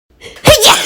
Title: 재채기소리 1분듣기